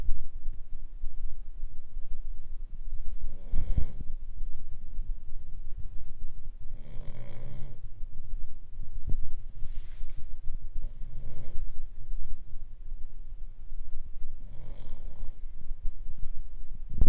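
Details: Boston Bosse asleep, snoring with four rattling, snorting breath noises over about 17 seconds against a low room hum; snoring.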